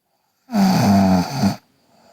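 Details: Single loud, rattling, buzzing breath lasting about a second from a sleeping girl: snoring.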